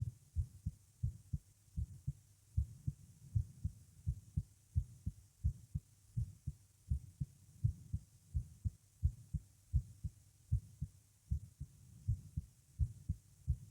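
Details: Strong, pounding heartbeat with low thumps and a faint murmur between beats, recorded while lying down with a visible neck pulse and palpitations; occasional clicks audible; heart murmur.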